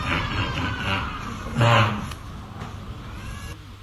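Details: Girl with a 3-month chronic cough unresolved by inhaled and oral steroids, discussed as possible psychogenic/somatic cough: one brief, voiced, throaty honking sound resembling a cough, a vocal tic rather than a true cough.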